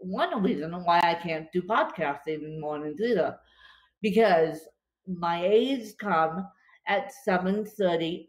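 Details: Real dysarthria in a woman with cerebral palsy affecting her limbs and brain, recorded after a bad spasm day, which she says leaves her more tongue-tied than usual.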